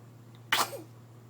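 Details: Young child hiccups and sneezes, and someone says "bless you": a sudden sneeze amid playful chatter.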